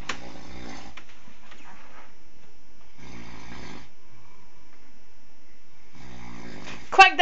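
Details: Husband asleep: three loud, rumbling snores about three seconds apart, roughly 20 a minute, with a brief sharp noise at the end; snoring.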